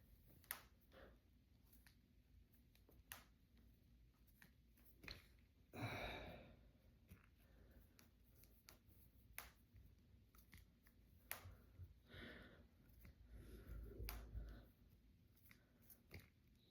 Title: Cracking my fingers and knuckles. #cracking #crackingasmr #knucklecracking #jointcracking